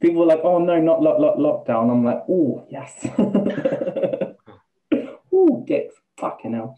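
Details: Man, 28, with Tourette's for about two years; vocal tics including involuntary swearing and repeated words, plus a stammer he never used to have; Tourette syndrome with vocal tics and stammering.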